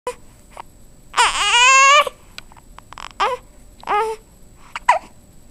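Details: Hiccups in a 13-day-old infant during tummy time, which she dislikes: brief, sharp catches at short intervals between fussy vocal sounds.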